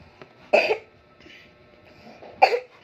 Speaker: guys, I just need to cough because I have like coughing allergies, and I can't, and it won't be healed.